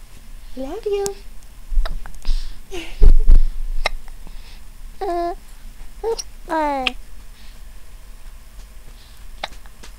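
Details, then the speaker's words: Baby cooing and babbling, broken by short sharp catches and one loud jolt while a parent talks to the baby: infant hiccups. "hi who has hiccups do you have hiccups see Mama hey"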